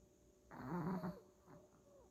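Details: Two sleeping together, snoring in sync: a single low rumbling snore on an in-breath in a quiet room; snoring.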